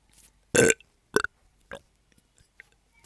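Three short, guttural bursts of air from the throat in a quiet room, one loud and two softer: burping.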